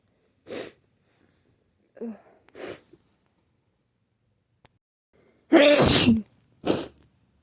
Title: Nonstop sneezing